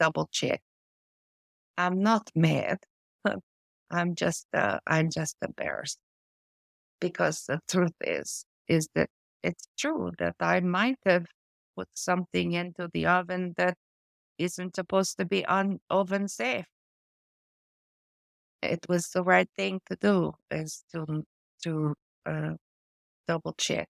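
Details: Adult woman with post-stroke aphasia from a stroke affecting her brain's language area; word-finding difficulty with words lost mid-sentence and old-fashioned or inappropriate word substitutions; she also reports foreign accent syndrome.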